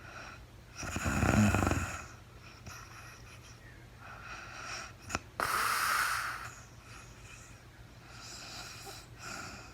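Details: Woman snoring while asleep, recorded in real time during a night's sleep after she was very tired: a loud rattling snore on the in-breath, then softer wheezy, snorting breaths in a quiet room.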